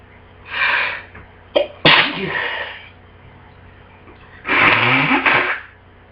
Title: Bad Cold Sneezes